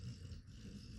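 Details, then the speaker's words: Faint, low, rumbling snore from the speaker's dog sleeping in the background, heard briefly; snoring. "Oh, sorry, my dog is snoring, in case you're wondering what that noise is."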